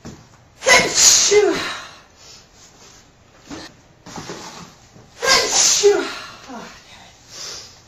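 Two forceful sneezes, each with a sharp intake of breath and then an explosive hissing burst.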